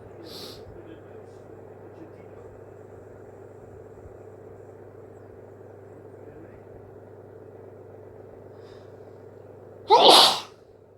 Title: Wet hayfever sneezes 🤧